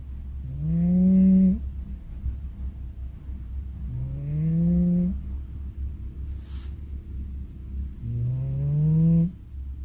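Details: Cat snoring in sleep: three slow, drawn-out, nasal, rising whiny breath sounds about four seconds apart over low room hum.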